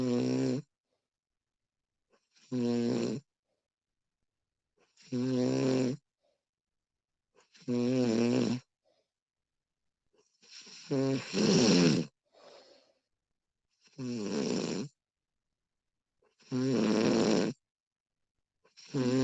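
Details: Recording of a woman snoring: repeated rough, vibrating snores about every 2.5 seconds, roughly 23 per minute, with silence between; snoring.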